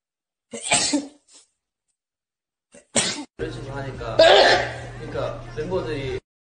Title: sneezing VS sneezing